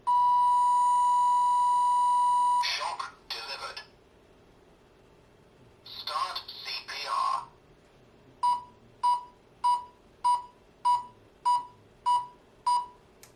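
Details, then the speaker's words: Long tone and spoken prompts (apply pads, analyzing, shock advised, deliver shock), then regular metronome beeps of about 100–120 a minute pacing chest compressions, from a training AED demonstrated for CPR instruction: AED trainer prompts and metronome beeps. "and that's about it it has that little metronome in there so it'll still keep that rate of about 100 to 120 chest compressions a minute"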